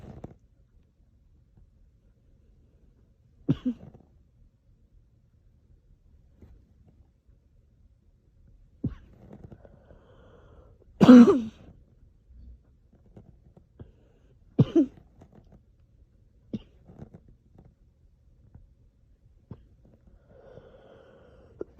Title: me coughing after hitting my pen￼